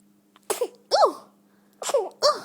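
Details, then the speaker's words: Baby girl with hiccups and gas, quiet room: several short, high-pitched bursts with squeaky voiced sounds, including a small infant sneeze. "bless you oh all these noises you're making just oh look at you and your big eyes"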